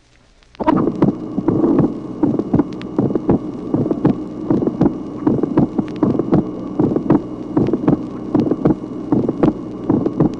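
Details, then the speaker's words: 1966 teaching auscultation record, tracing 7: regular heart sounds at about 78/min with several sharp early systolic clicks from the abrupt arrival of blood in a dilated aorta or pulmonary artery. "Tracé numéro 7. Présence au début de la systole de plusieurs claquements qui sont dus à l'arrivée brusque du sang dans l'aorte ou dans l'artère pulmonaire dilatée."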